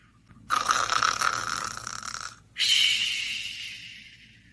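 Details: Tired subject asleep: two soft, hissing, whistly breaths, each fading away slowly. Snoring.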